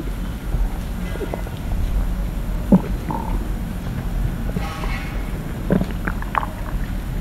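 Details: Stomach sound ASMR: steady low abdominal rumbling with a few short gurgles, sloshing pops and crackles, ordinary stomach growling (bowel sounds, borborygmi).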